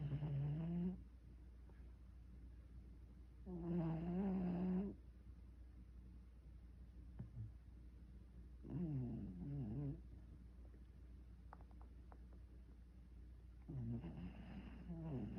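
Rhythmic, low, rumbling snores with a buzzing quality, about four breaths a minute, separated by quiet pauses; ordinary snoring.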